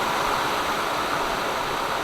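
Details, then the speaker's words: Steady soft rushing airflow hiss from a ResMed S9 CPAP unit with humidifier, heated tubing and nasal mask, ramp feature running at 4 cm water pressure, rising to a prescribed 8 cm over 15 minutes. "right now it's running at 4 cm of water pressure and gradually between now and the next 15 minutes the machine will ramp up the pressure so that it will be delivering 8 cm of water pressure at 15 minutes"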